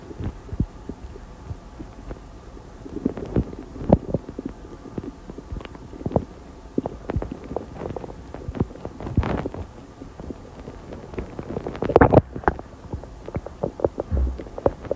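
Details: Frequent short gurgles, pops and clicks from the belly after drinking soda and eating lunch: active bowel sounds.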